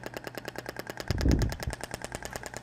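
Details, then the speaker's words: Rapid regular clicking pulses, about ten a second, from a shockwave therapy applicator (Thork) applied statically with gel on the upper back, frequency set to 10 Hz, 2000-shot static technique; practical demonstration. "nessa área há ainda a frequência de 10 no consumo menor então barulho é um pouco distinto do outro tá"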